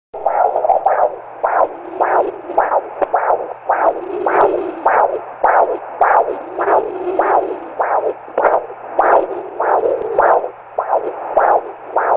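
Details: Steady, rhythmic whooshing pulses picked up by a Doppler monitor: fetal heartbeat.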